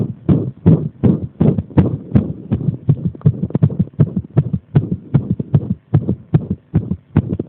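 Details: Low, thudding heart sounds with uneven spacing, including a brief run of closely bunched beats midway; an arrhythmia deliberately provoked by applying pressure.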